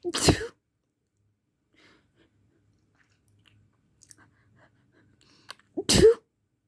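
Two forceful, wet, uncovered sneezes about six seconds apart, with near silence between them.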